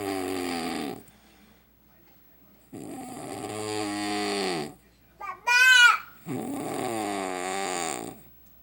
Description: bullfrog sounding man As he sleeps with his mouth open